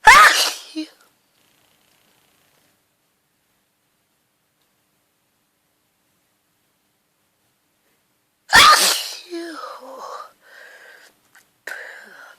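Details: Hungover person fell asleep in the garden and grass pollen triggered a hay fever sneezing attack: two forceful sneezes several seconds apart, followed by brief speech.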